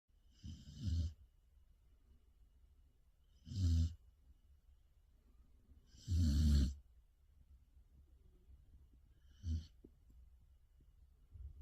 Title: the snoring of a Samoyed dog(Ga Eul)가을이 코고는 소리(사모예드)